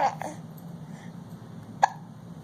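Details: An infant almost 5 months old, sitting in a Bumbo seat, with hiccups: two short, abrupt catch sounds over quiet room noise.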